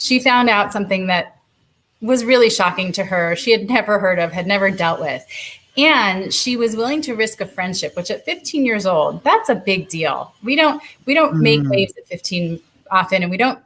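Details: Adult woman speaking; typical speech.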